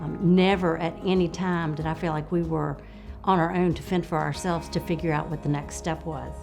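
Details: Adult woman; normal speech.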